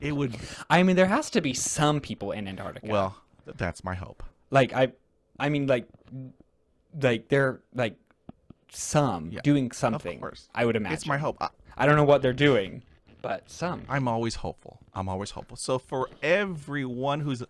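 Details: Real conversational speech from a man who stutters, a returning podcast guest describing a social strategy game; repetitions are audible; stuttering.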